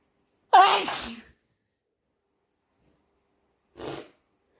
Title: Super strong, loud and wet sneezes! Allergies?